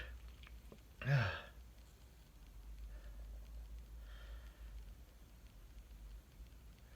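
A single quick, sharp sneeze burst near the start, followed by quiet room noise and faint breathing.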